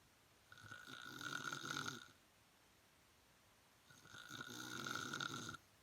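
Two loud, rattling snores on breathing in, with quiet pauses between: ordinary snoring.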